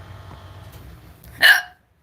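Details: Repeated hiccups from a girl speaking during a live stream.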